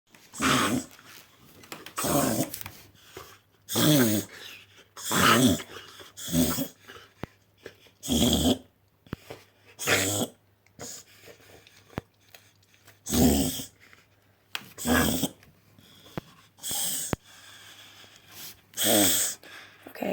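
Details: A dog makes repeated loud, harsh snorting breaths in quick bursts; reverse sneezing episode.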